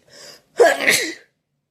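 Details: Morning sneezes, some initially induced before coming naturally: a short intake of breath, then one loud explosive sneeze with a hissing trail-off; a single ordinary sneeze.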